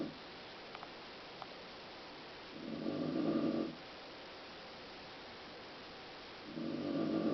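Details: Mother snoring during sleep: two long, rough, vibrating snores on breathing in, about four seconds apart, over steady room hiss.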